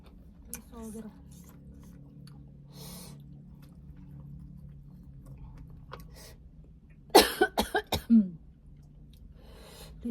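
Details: Adult woman eating spicy chili with lumpia: quiet chewing and room noise, then a sudden burst of about five sharp coughs from throat irritation caused by the spicy food; cough.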